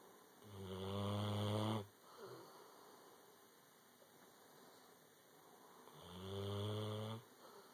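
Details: Two long, low, rumbling snores about five seconds apart, each over a second long, separated by quiet exhalations over steady background hum: snoring.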